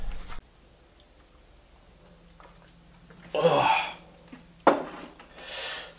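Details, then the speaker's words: Adult man who has been sick and bedridden for the past two days, coughing a lot: several short, harsh coughing or throat-clearing bursts in a quiet small room; cough from a recent illness. "я болел последние два дня В среду и четверг я только что был прикованный к постели я только что заболел я больно кашлять много, и я просто пытался отдохнуть"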